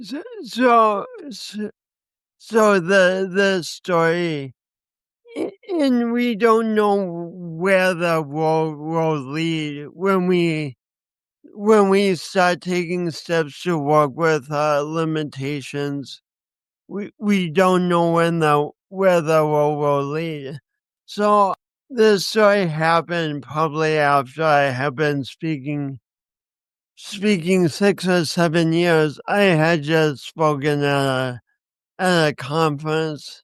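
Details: Speech impediment (dysarthria) in a 50-year-old man, lifelong and linked by him to a birth injury, with accompanying coordination issues; he describes it as a disability.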